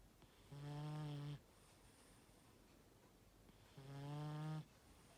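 Two long, low, droning snores a few seconds apart, with quiet pauses between them in a quiet room.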